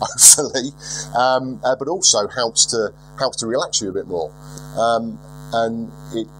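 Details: Lifelong stuttering in a 42-year-old man, milder than 4 or 5 years ago with occasional relapses; unedited recording.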